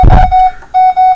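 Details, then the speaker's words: Non-invasive blood pressure monitor being tested with a simulator in a biomedical equipment class, with all of its low alarms triggered: steady high electronic alarm tones in short repeated bursts after a brief noise; simulated patient monitor alarm. "I've gotten all of my alarms triggered right all of my low alarms triggered so that's how you check this"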